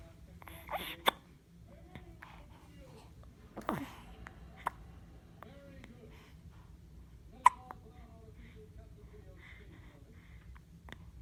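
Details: Person with hiccups: several sharp, brief hiccup sounds at irregular intervals, with soft background voices and room noise.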